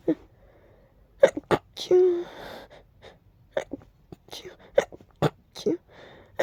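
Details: Uncontrollable rapid sneezing from a deep nasal tickle: sharp bursts, one preceded by a drawn-out breath-in; sneezes.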